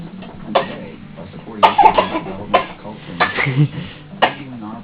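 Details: Infant in an exersaucer making several short, soft, deliberate fake coughs over household noise; voluntary pretend coughing.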